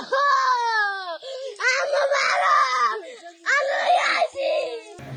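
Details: A child cries loudly beside the mother's grave in long, high-pitched wailing bursts with brief gasping breaths between them; the report concerns suspected abuse by a stepmother.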